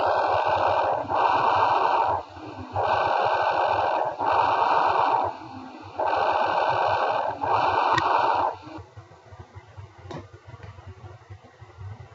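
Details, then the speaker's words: Teaching recording of breathing near the trachea with equal-length, moderately loud breaths in and out, inspiration and expiration equal, mixing bronchial and vesicular pitch; normal bronchovesicular breath sounds. "mechanism they reflect a mixture of pitch of bronchial bre sound here near the trachea Alvi with the vesicular breathing sound that hear it so we can hear the Bron of visic breathing"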